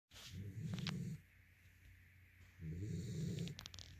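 Two long, low rattling snores about two seconds apart, with a quiet breath between them, from a sleeping dog.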